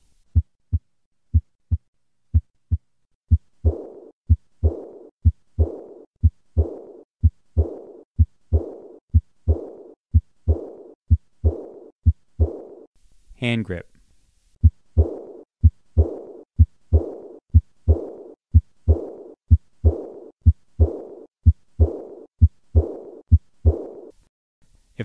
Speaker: this murmur can be increased by having the patient tighten both fists listen to the change in the murmur of aortic regurgitation with a hand grip maneuver